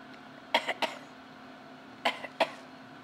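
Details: Infant boy deliberately fake coughing, a new playful habit: several brief, light cough sounds in two small bursts with no sign of illness; voluntary fake cough.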